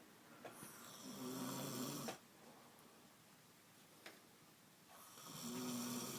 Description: My girlfriend took a nap on the couch while we were watching Family Guy and once she fell asleep her snoring got louder and louder!